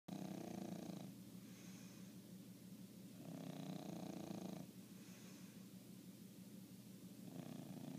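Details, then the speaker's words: A 1-year-old pet, Bongo, snoring loudly in sleep: steady, rattling snores on each breath in and a quieter hiss on each breath out, about 14 breaths a minute. "Pablo snores louder than me. He's only a year old, and he snores like Uncle Bernie. Unbelievable."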